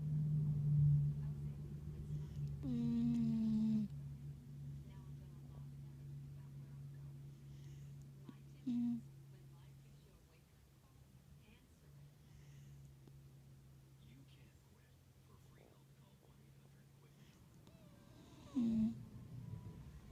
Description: My seven month old puppy fell asleep on me and she started snoring. She snores every time she falls asleep and I finally got to record her.